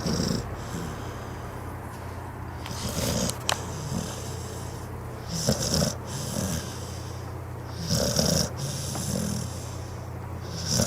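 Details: Pit bull napping on the couch, snoring: rhythmic snoring with snorting breaths, about 24 breaths a minute, over a low steady hum.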